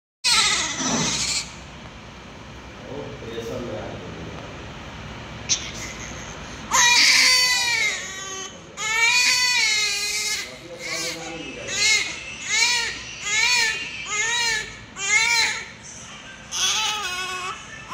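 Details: Newborn baby crying: repeated high-pitched wails with short breaths between them, after a noisy opening.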